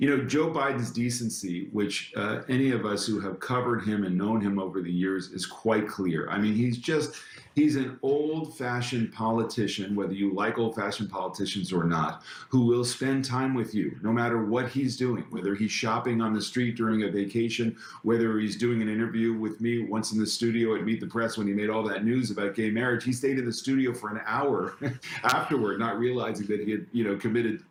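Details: Adult male speaker; normal speech.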